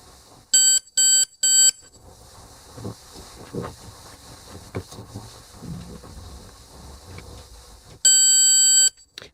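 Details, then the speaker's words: ThermoGlide thermal ablation for cervical pre-cancer, training demonstration: three short electronic beeps, quiet handling sounds, then one longer beep marking the end of the treatment cycle before cool-down and probe removal. "that longer beep the treatment is now complete I will hold this in place as the unit cools down before removal"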